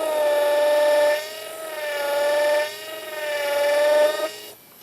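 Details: Three bursts of high-pitched motor whine, pitch dipping under load, with quieter pauses, as a final drill pumps up and down making stepped parallel osteotomies for Zest LODI implants; surgical drill running.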